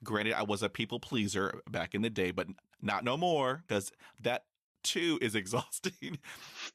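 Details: High school senior male with real developmental stuttering that began severely at age 10, after six years of speech therapy; stuttering.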